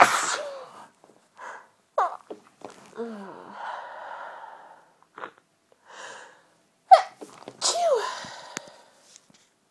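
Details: Several loud sneezes in a row, each with a sharp intake of breath before it; a sneezing fit.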